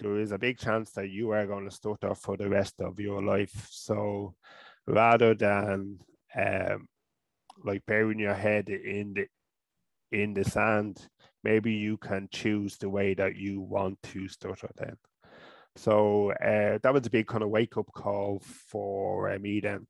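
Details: Adult man from Ireland, a person who stutters, with speech therapy first around age 5 or 6; stuttering.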